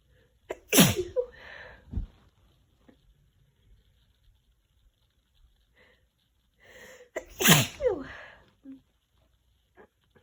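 Two loud, wet sneezes, each with a catching breath before it and a sniff after; sneezing with a cold.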